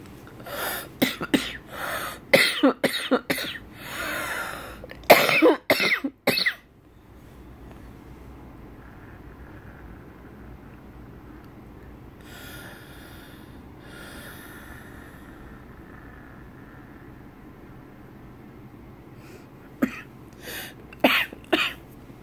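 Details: Repeated harsh coughing in clusters with a faint whistling wheeze between bouts; wheezy cough in a person with bronchitis and asthma.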